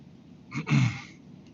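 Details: Recorded during a live equine chiropractic session with an athletic barrel horse: a single short, forceful burst of air through the nose, a sneeze or snort-like expulsion.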